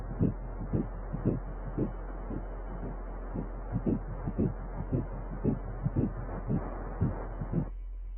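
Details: 6 weeks of pregnancy: fast, regular whooshing pulses at about 115 a minute over a steady hum; early fetal heartbeat on ultrasound.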